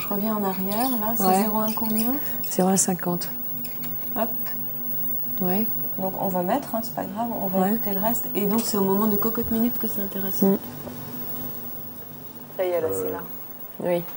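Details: Adult speaking French; normal speech.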